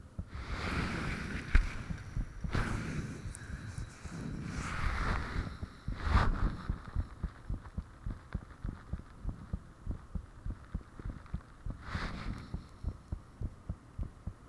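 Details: Recording of one's own heartbeat with the fan off, made shortly after the heart began feeling unusually thumpy: fast loud thumps at roughly 115 bpm with rushing noise and occasional handling rustle; valve and blood-rush sounds reportedly audible.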